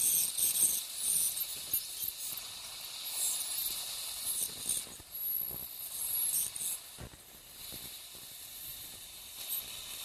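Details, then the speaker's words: Piezoelectric ultrasonic bone saw with depth marks cutting crestal osteotomies during dental sinus surgery, near the canine root: high-pitched hissing and scraping in short bursts with suction noise. "this saw cuts vertically as as well as as sagittally so it you gives you a two-dimensional in ision I just switched it's the same the same concept it's a bone saw"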